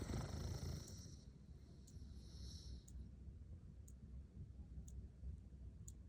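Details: Sleeping English bulldog: low, fluttering rumble of snoring breaths, with faint regular ticking in the background.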